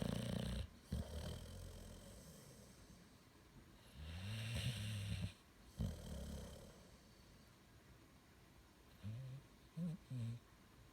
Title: Busty Snoring